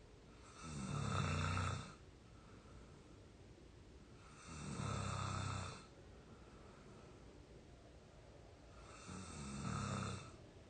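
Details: Real snoring from an exhausted, sleeping 22-year-old: three low, rumbling snores on regular in-breaths at about 16 breaths a minute, separated by quiet exhalations.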